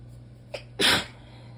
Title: Messy allergy sneezing fit into elbow